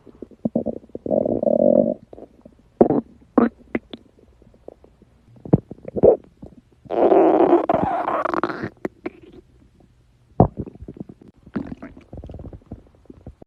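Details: Irregular gurgling and drawn-out rumbling bursts with quiet gaps from a girl's stomach: ordinary stomach growling (borborygmi) from gas and fluid moving through the gut.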